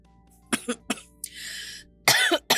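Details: An ill adult woman with a hoarse voice gives a few short, sharp coughs, draws a breath in, then coughs harder with voice. Faint background music.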